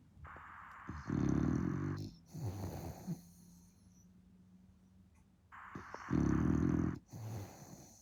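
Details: Sleeping female bulldog puppy snoring with eyes open: loud, rattling snores on each breath with snorting between, about every five seconds.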